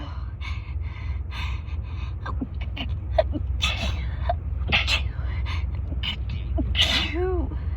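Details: Person with a cold whose nose is raw, in a sneezing attack lasting about 10 minutes: quick run of short sneeze bursts and gasps over a steady outdoor background rumble; rapid-fire sneezing.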